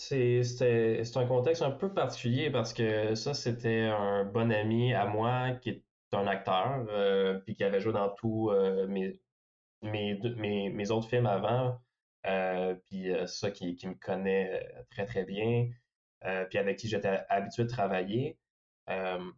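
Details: Stuttering in a young French-speaking man who reports mostly silent blocks and sometimes short repetitions, especially when saying his name.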